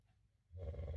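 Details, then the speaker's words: Adult man, a husband fast asleep, snoring: after a quiet half-second, a loud, low, rattling rumble starts and holds. "so I don't mind snoring at all in fact it just fills up the room if you know what I'm talking about"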